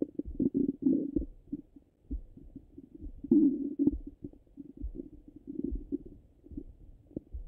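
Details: Stomach rumbling heard through a stethoscope over the abdomen: irregular low gurgles and rumbles, ordinary bowel sounds.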